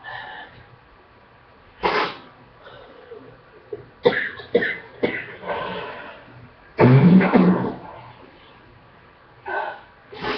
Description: Been really sick for the past two weeks cough is finally getting better on second round of antibiotics I will record as much as I can